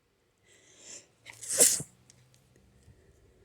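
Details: A single adult sneeze: a quick hissing in-breath, then a sharp explosive burst of air.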